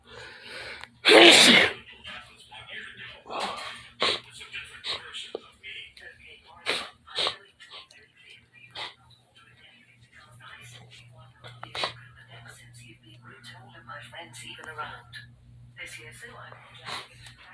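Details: Sneezing in a small bedroom: one loud explosive sneeze, then quieter talk and rustling; an ordinary sneeze.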